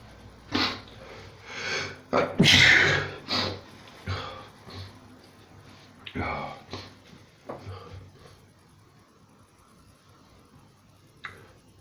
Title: Non stop sneezing for 4 minutes!